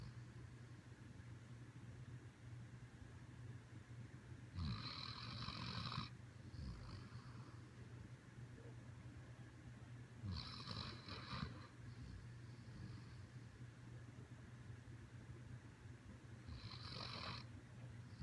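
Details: Sleeping Siberian Husky: three rasping, whistly snores about six seconds apart, roughly ten breaths a minute, over a steady low hum; snoring.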